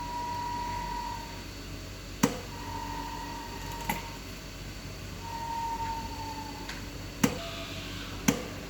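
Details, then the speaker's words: Allied Jupiter anaesthesia ventilator demonstration: the ventilator/standby key is held for 2 seconds to start ventilation from standby, giving machine beeps and sharp mechanical clicks as the bellows begin cycling. "And this is the key for ventilator and standby. So press this button for 2 seconds, and here your ventilator will start."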